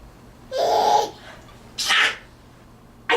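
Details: Sneezing: two sharp, explosive sneezes a little over a second apart, with the start of a third at the end.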